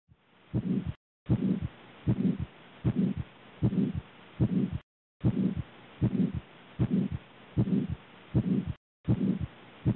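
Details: Aortic stenosis heard by stethoscope: regular heartbeat near 77 a minute with a harsh rising-and-falling murmur after each first sound.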